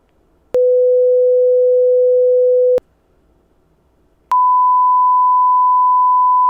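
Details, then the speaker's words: Simulated nurse physical-exam ASMR roleplay hearing test: two steady pure tones, a lower then a higher one, played through headphones while the listener reports hearing them on the left or right side; audiometry test tones. "all right so I'm gonna start my machine over here okay and you let me know if you hear the noise on the left side or on the right side okay"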